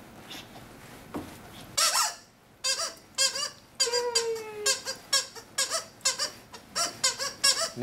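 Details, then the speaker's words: Simulated newborn cry on a Laerdal Mama Natalie birthing manikin, a string of short, high, squeaky cries from its built-in squeaker after the baby is delivered and suctioned in a birth demonstration. "you'll actually after the baby is suction you'll hear the baby cry is it does come with a squeaker"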